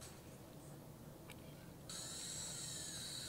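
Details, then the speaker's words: Ultrasonic-style scaler whine over quiet room noise as it cleans up the marginal ridge of a freshly light-cured class 2 restoration on a child's primary molar, prepared with a Waterlase MD laser without needle or local anesthesia. "I can usually adjust this with a scaler and another slow speed or a high speed polishing burr. So here the scaler is just cleaning up the marginal ridge,"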